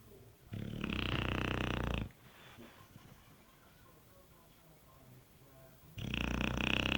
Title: my dog snoring